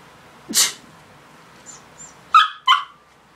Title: Sneezing dog